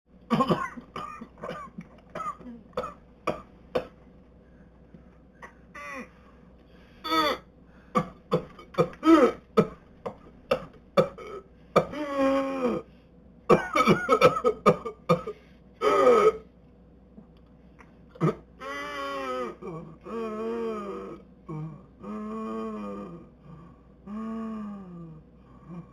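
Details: Whooping cough (B. pertussis) paroxysm in a person with the illness: rapid runs of dry coughs followed by long, high-pitched whooping breaths in.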